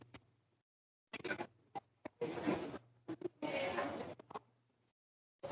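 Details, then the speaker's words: Two noisy breaths with a faint high whistling tone, presented in a teaching example on asthma, where wheezes are diffuse and bilateral: wheezes. "tenemos las sibilancias, escuchen eso. Siempre en el asma las sibilancias van a ser difusas y bilaterales."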